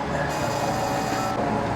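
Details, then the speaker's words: Fractional CO2 laser resurfacing of skin for sun damage and enlarged sebaceous glands: a steady, loud mechanical whirring hum with fan noise as the laser device fires. "The laser has a little bit of a bite to it."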